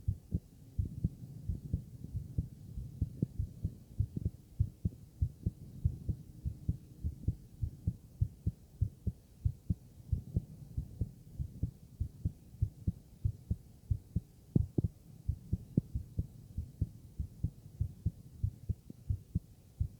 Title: Heart Auscultation + Stomach Sounds